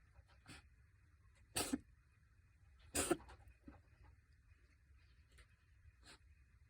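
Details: Cat sneezing attack: two sharp, explosive sneezes in close succession with softer snuffles around them; sneezing.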